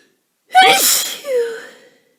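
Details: Person with a cold for a few days, exhausted, sneezing more than usual: a single forceful sneeze with a sharp voiced burst, then a trailing voiced sound.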